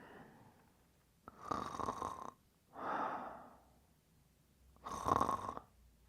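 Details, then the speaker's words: Simulated snoring by a woman acting out falling asleep: three slow, noisy breaths, two of them with a rattling buzz. "Estoy roncando."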